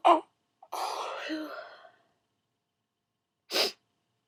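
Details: A short sharp burst, a long breathy exhale, then a second sharp burst, deliberately stifled then released on request; sneezing.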